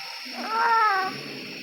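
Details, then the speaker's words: Newborn in NICU warmer on oxygen after C-section, possible respiratory distress syndrome: brief strained painful moaning sounds on expiration over steady hiss with increased breathing rate, described as grunting; expiratory grunting. "भारी आवाजें और सांस की रफ्तार का बड़ा य देख ब्रीथिंग पैटन बढ़ जाता है इसको मेडिकली दर्द भरी आवाजों को ग्रंट कहते हैं"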